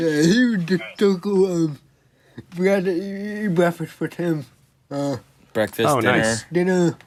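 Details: 24-year-old man with cerebral palsy, a motor disability affecting control of his body; dysarthric speech.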